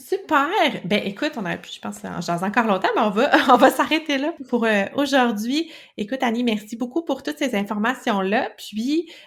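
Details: Adult woman speaking French; normal speech.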